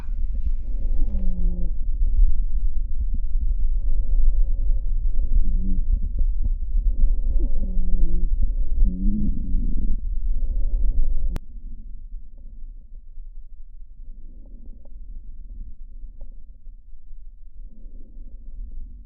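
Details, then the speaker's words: Wheezing: low musical whistling tones with breathing over the chest, from bronchial narrowing in inspiration or expiration. "위징은 기관지가 좁아져서 흡기나 호기 또는 둘 다에 색색거리는 소리가 나는 것입니다 주로 천식 copd 환자가 상태가 좋지가 않거나 급성 악화가 되었을 때들을 수 있습니다"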